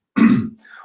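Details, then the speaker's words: Single short, rough throat clear from an adult man who says he has a frog in his throat today, during a live Q&A broadcast; quiet room; throat clearing. "excuse me for coughing but got like a frog in my throat today you can hear it"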